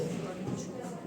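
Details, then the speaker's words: Cystic fibrosis patient during physiotherapy with a Simeox device; airway secretion sounds of sticky, honey-like mucus become audible, with aerosol and hydration following. "la pompe respiratoire fait bouger le mucus et là vous entendez et là vous entendez le mucus comme là on entend"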